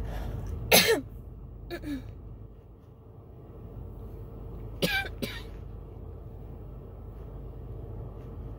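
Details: Coughing fit from a throat tickle with shortness of breath, recorded in a car; chest patting, water and an inhaler did not stop it: about four harsh coughs in two pairs over steady car noise.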